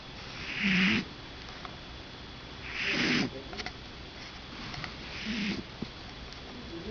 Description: Did you know cats snore???